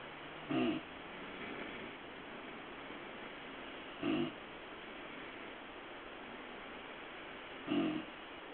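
Three short rasping snores at steady intervals, about 17 breaths a minute, over a hissy background; a cat snoring.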